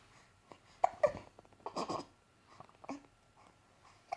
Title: Hiccups 2 months